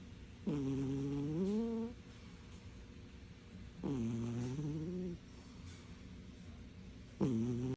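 Loud, droning snores on each breath, roughly every three seconds, with quiet pauses between; a sleeping cat snoring.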